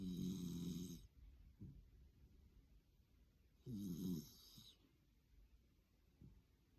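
Two loud, rasping snores about three seconds apart, each followed by softer breathing: snoring from a small dog.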